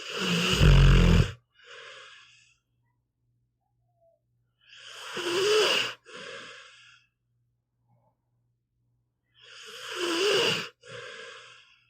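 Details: Pitbull dog asleep, audio only: slow, loud rattling snores on each in-breath, each followed by a softer out-breath, about 13 a minute; ordinary snoring.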